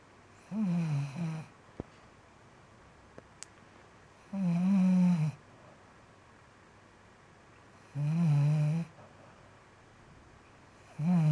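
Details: Snoring during sleep, recorded August 2015: loud, low snores repeating about every 3.5 seconds, roughly 16 a minute, with quiet pauses between.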